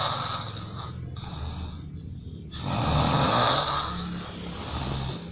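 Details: Real, not faked, snoring of a sleeping man recorded by his wife: loud, harsh snoring over two breaths with a rattling, roaring quality on inhalation, likened to a lion's roar.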